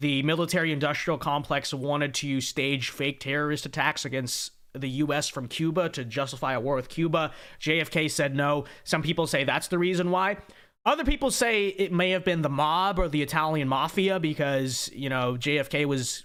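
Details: Adult man speaking; ordinary speech.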